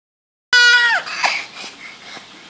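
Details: Infant aged 5 months 21 days startled by father's cough: sudden loud wail fading into softer whimpers, an ordinary startled cry, before being soothed and fed avocado.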